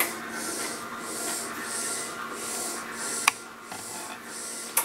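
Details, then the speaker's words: Spectra double electric breast pump switched on, not attached, then turned up a little: soft rhythmic whirring and hissing suction cycles with faint clicks, very quiet running. "is very quiet it is very quiet let's turn it up a little bit I can hear a little bit of suction coming from here"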